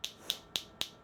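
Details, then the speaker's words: Focused shockwave therapy set high at 35 to break up dense tissue in a hand with Dupuytren's contracture; four sharp, evenly spaced snapping clicks about four per second from the focused shockwave device firing into the hand. "typically we don't use shock wave this high unless we're working with bone healing, stress fractures, non-unions, then we need it to be very high."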